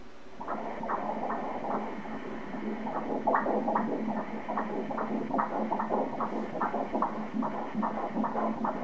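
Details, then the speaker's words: Doppler ultrasound at 15 weeks of pregnancy: rapid rhythmic whooshing fetal heartbeat at a stated 148 beats per minute, a normal fetal heartbeat. "Hear the heartbeat The rate right now is 148 beats per minute"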